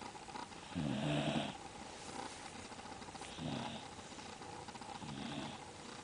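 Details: Pet dog snoring during a deep nap after a tiring morning: three soft, rumbling snores, one with each breath in, heard over background noise.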